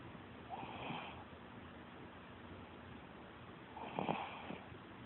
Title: Snoring puppy